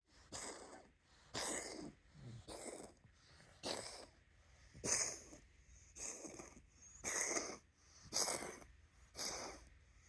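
A dog makes rapid, repeated harsh snorting inhalations, about nine in ten seconds, typical of a reverse sneezing episode.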